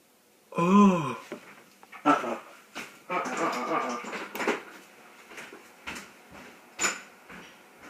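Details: Coughing fit during the cinnamon challenge: a rough, strained gasp, then a run of harsh, irregular coughs in a small room from cinnamon throat irritation.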